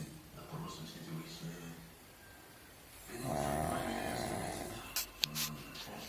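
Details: Pug snoring while asleep: low, rumbling breathing noises in a quiet room, with a louder rattling stretch midway.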